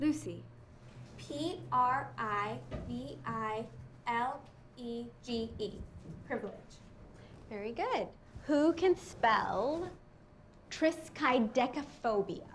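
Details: Child and adult woman in a classroom scene, acted; normal speech.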